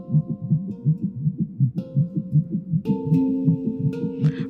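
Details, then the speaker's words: Fetal heartbeat on a handheld Doppler pressed to the mother's belly by a midwife at a home prenatal visit in the last month of pregnancy: fast, regular whooshing thumps at about 160 a minute, soft music behind. "She presses the wand to Monica's belly and the sound of her baby's heartbeat fills the room."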